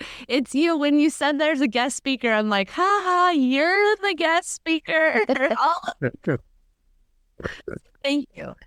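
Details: Adult woman speaking, with a second voice; plain speech.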